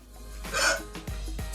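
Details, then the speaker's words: Two abrupt, short gulping 'hic' sounds after a breathy rush of air, over faint music; hiccup, from spasmodic involuntary diaphragm contraction followed by glottic closure. "Quand on a le hoquet, le diaphragme se contracte de façon spasmodique et totalement involontaire. Et à chaque fois qu'il y a une contraction du diaphragme, dans les millisecondes qui suivent, il y a une fermeture de la glotte au niveau du larynx. Le contact de l'air avec le larynx fait le bruit du hoquet."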